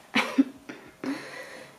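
Abrupt cough-like vocal bursts from an adult woman, a simple vocal tic of Tourette syndrome.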